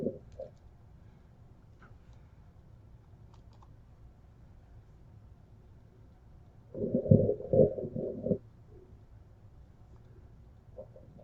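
Quiet stethoscope hiss broken by one soft gurgling burst over the left upper abdomen of a simulator; normal bowel sounds.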